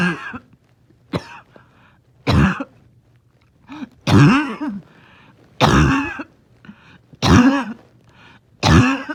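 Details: A dog in the morning, having a hard time resting: seven harsh, honking cough bursts in about nine seconds, some with a squeaky wheezy tail; barking cough with wheeze.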